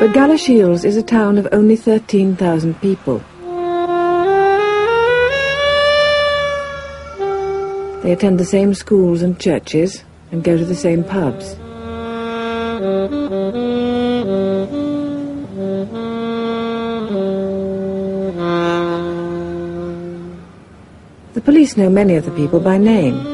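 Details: Adult male narrator; Ordinary fluent speech.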